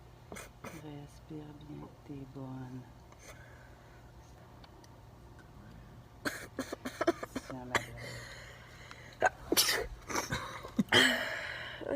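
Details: Brief voices, then a cluster of sharp explosive bursts with a short burst at the end, consistent with sneezes triggered by a COVID-19 nasal swab test; light background music.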